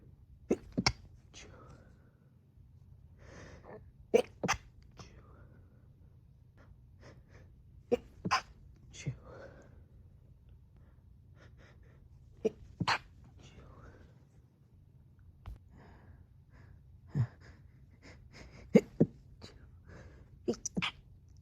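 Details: Stifled sneezes recorded while home alone, spaced over a few hours in different rooms and stitched together: short, muffled sneeze bursts, each held in and cut off, over quiet room noise.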